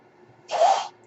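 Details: Podcaster's own ventilator during speech recording: a single short airy whoosh against quiet room noise as a breath is delivered; mechanical ventilator noise.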